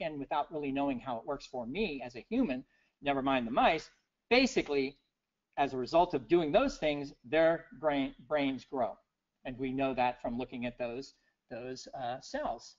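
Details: Adult man with persisting aphasia about six years after a 2011 stroke that left him initially unable to read, write or speak well; aphasia.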